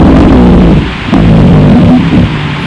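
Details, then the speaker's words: Rhonchi on chest auscultation: low-pitched, coarse, snoring-like continuous sounds through two breath phases. "ronco maior né então esses são os sãoos adventícios os outros sons"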